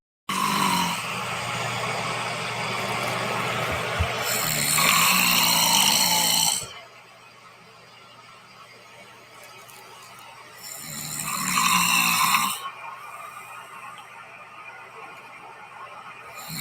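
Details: Two long, loud, rattling snores about six seconds apart, separated by quiet stretches with a steady low hum in the background; snoring, presented as a humorous clip.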